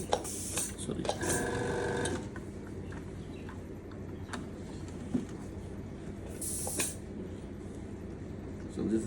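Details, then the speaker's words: Brief steady motor whine of the slow-speed dental handpiece on a portable dental care unit, run during a demonstration, with room noise. "This is the high speed. This a slow speed."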